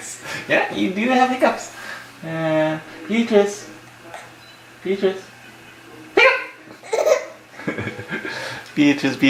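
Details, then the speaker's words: An infant girl laughing and babbling, broken by short, sudden catches in the breath, with an adult's voice nearby; a baby hiccuping during laughter. "Oh. Beatrice has what? Hiccups! Oh, you're so fast. Oh, hiccup! Beatrice has hiccups!"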